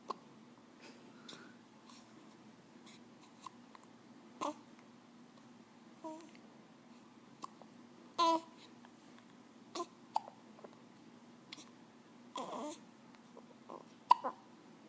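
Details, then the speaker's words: Baby girl with hiccups: scattered brief voiced catches among soft babbling sounds in a quiet room. "There's one. Somebody's got the hiccups. Hey, get those hiccups away."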